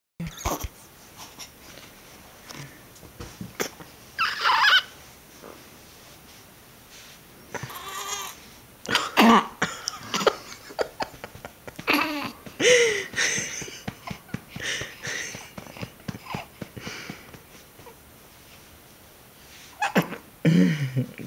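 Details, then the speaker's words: Infant burping: several short, throaty burps and grunty vocal sounds separated by quiet pauses; ordinary feeding burps. "good one Z good one that's a good burp"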